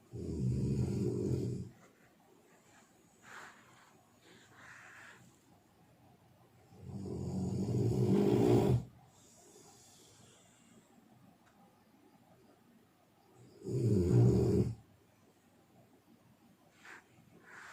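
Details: Snoring: three loud, rattling snores on the in-breath about every six seconds, roughly 10 breaths a minute, with quiet pauses between them.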